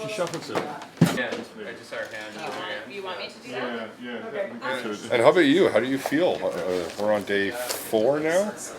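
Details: Adult speakers; Normal speech.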